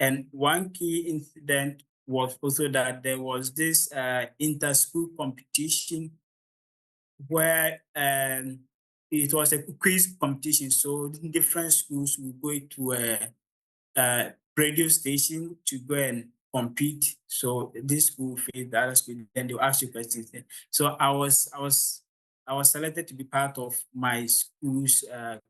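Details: Adult man from Ghana with real stammering, the only one of 16 siblings who stammers; he says the beginning of his presentation was quite difficult: stuttering.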